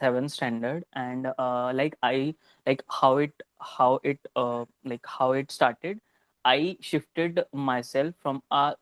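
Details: Stuttering in an adult man who is ashamed to stutter in front of people; a sound repetition is heard mid-sentence.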